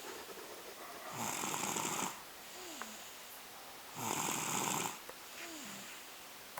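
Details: Two-year-old crashed out exhausted on a couch, snoring: two rasping snores on the breath in, about three seconds apart, each followed by a soft whistling breath out, roughly 20 breaths a minute.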